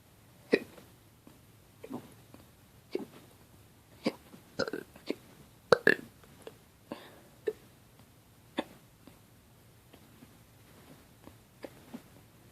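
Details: Repeated short, abrupt gulping sounds at irregular intervals, some with a slight voiced catch: bad hiccups.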